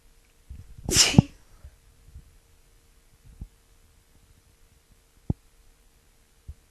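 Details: Woman sick with a cold: a single forceful, explosive sneeze, then quiet breathing and small sounds in a quiet room.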